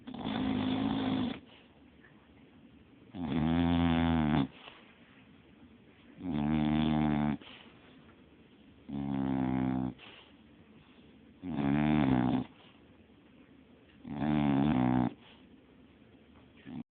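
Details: Someone sound asleep snoring: regular, loud, buzzy snores on each breath in, about six over 17 seconds, with quieter breaths out between them.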